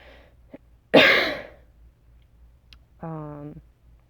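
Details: One harsh cough burst, then a short voiced throat sound; a single cough from a sick adult whose voice is also strained from yelling at a rave the night before.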